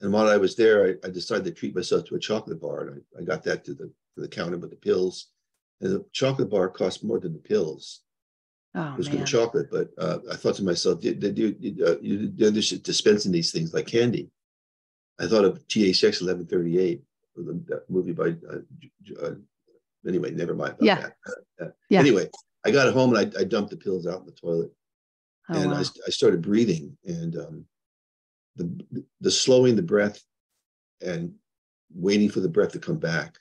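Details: Adult man with progressing Parkinson's disease who reports stuttering a little, losing his words and impaired balance; finding: hypokinetic speech disfluency (Parkinson's disease).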